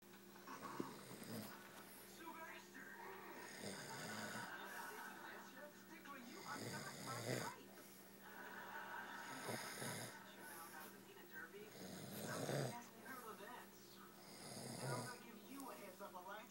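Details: Person snoring: rough, rumbling snores on each inhale, about every two and a half seconds, over a steady background hum; snoring.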